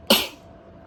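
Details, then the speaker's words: Single sharp, explosive burst of air that fades quickly from a woman inducing sneezes with a cotton bud (Q-tip) in her nose: a sneeze. "i am sneezing uncovered but i'm the only one here thank you"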